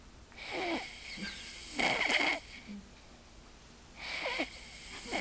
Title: i don't snore!!!